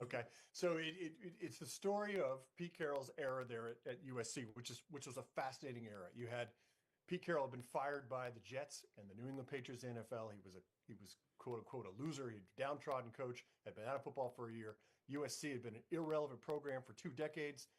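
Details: Adult male speaker; Normal conversational speech.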